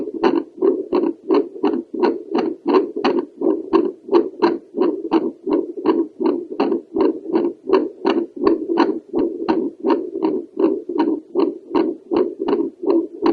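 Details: Woman's Doppler heartbeat over the pulmonary valve, mitral valve possibly heard behind: rhythmic pulsing whooshes at about 80 a minute.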